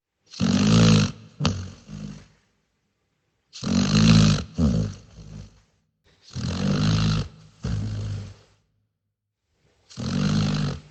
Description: Dog snoring sound effect in best audio quality , Here is the high quality audio of dog making snoring noises while sleeping.